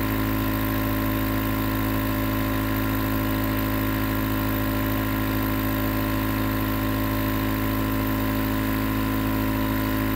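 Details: Nebulizer compressor recorded as 20 minutes of sleep white noise: steady mechanical hum with fine rapid pulsing, unchanged throughout, as the nebulizer runs continuously.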